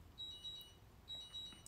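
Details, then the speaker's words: Two bursts of high-pitched electronic beeping in a quiet room from a person's insulin pump: a pump or glucose monitor alert. "my pump thing is is beeping i probably have to get up even though i don't want to get up during this live"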